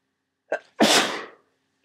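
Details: Adult with a head cold and swollen sinuses sneezing into tissues: a brief inward catch, then one loud, wet, explosive sneeze; some sneezes were induced when stuck.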